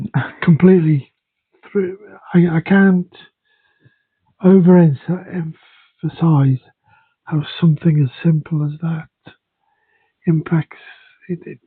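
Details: Aphasia (dysphasia) after a second stroke in a man, affecting speech and language, including reading.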